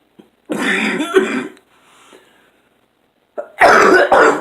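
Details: Adult with COPD: two harsh, rough, throat-clearing coughs with a quiet breath between them.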